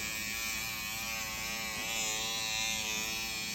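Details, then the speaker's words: Motorized SkinPen microneedling pen with PRP set to 1 mm depth, steady high-pitched buzz with rapid pulsing motor whine while tightening the skin along the neck; microneedling pen in operation. "hat Autumn's doing here, and it's setting 1 millimeter. She's tightening the skin along my neck."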